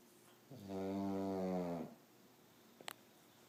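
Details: Sleeping snorer: one long, loud, tonal snore lasting over a second, then quiet with a brief click; snoring.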